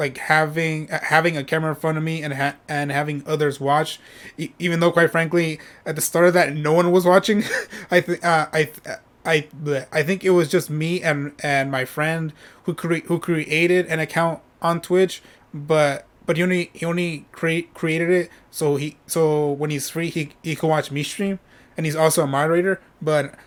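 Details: Adult male who states he stutters when speaking and often repeats himself, with word and part-word repetitions; stuttering.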